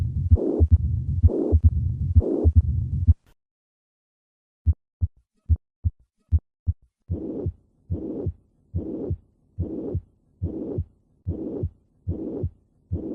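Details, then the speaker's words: Regular heartbeat with a blowing pansystolic murmur extending all the way to the second heart sound, classic for mitral regurgitation. "This pansytolic murmur is classic for mitro regurgitation. One feature that distinguishes regurgitate murmurss from ejection ones is that they tend to go all the way to the second heart sound."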